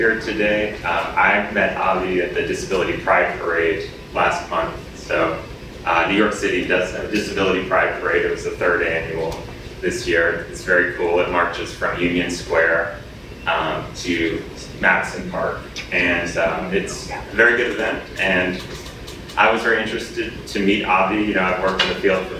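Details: Adult man speaking; ordinary speech.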